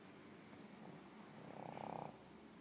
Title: Pug Snoring